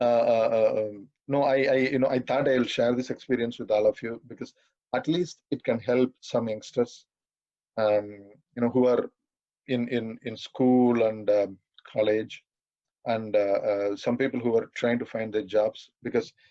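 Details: 42-year-old man who has stammered all his life, stammering occasionally while speaking; stuttering.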